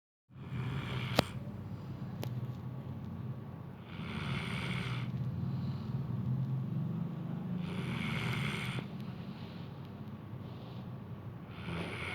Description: Snoring dog.. same like his hooman..